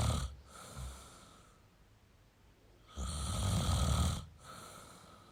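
Loud, harsh, rattling snores on each breath, separated by brief pauses; heavy snoring during sleep.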